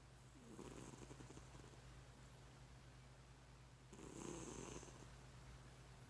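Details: Two rough, rattling snores about three seconds apart over a steady low hum; ordinary snoring.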